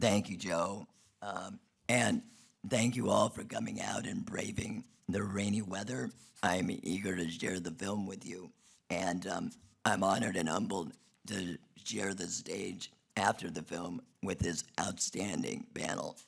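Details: Adult man who had a laryngectomy in 2016 due to long-term radiation damage from tonsil cancer treatment 19 years earlier; alaryngeal speech after laryngectomy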